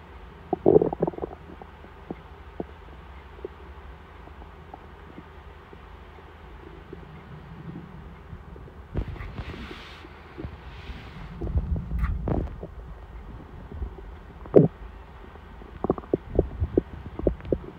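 Low gurgling rumbles and squeaks from the belly, coming in several bursts; ordinary hunger-related stomach rumbling.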